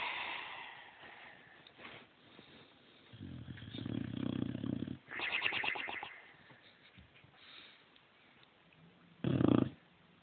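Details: Bailey, a boxer dog, snoring while asleep after a lazy day, cheeks visibly moving; snoring.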